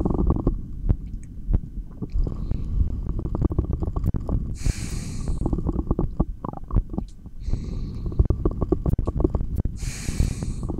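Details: Stomach growling (borborygmi) heard through a stethoscope during a single-take recording of long breath-holds: crackling gurgles and rumbles mixed with breathing noise, a normal bowel sound.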